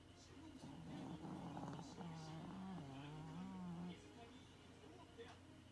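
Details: A sleeping female Maltese puppy gives a long, rumbling, faintly tonal snore, likened to an old man's, over a steady low background hum; lightly edited recording; snoring.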